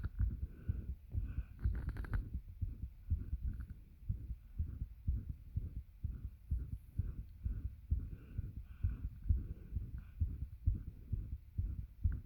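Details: Heartbeat and heavy breathing recorded with a bed pressing on the chest, making it hard to catch breath; rapid low thumps around 120–130 a minute with rough, labored breathing.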